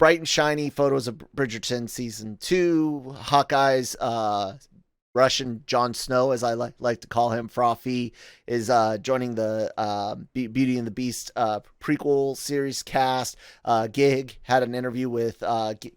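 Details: Adult male podcast host with a self-reported stutter, speaking spontaneously; stuttering.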